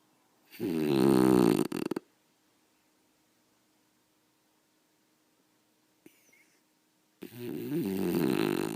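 Loud, harsh rattling snores on each breath in, with silent pauses between, from a sleeping dog.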